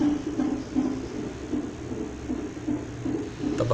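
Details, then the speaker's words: Fetal heartbeat of a baby girl on a monitor in hospital while the mother awaits admission for delivery: rapid, regular whooshing pulses, about 155–160 beats a minute, described as beating strong. "Gente, olha o barulho do coração da neném, como tá. Essa menina vai ser forte, hein?"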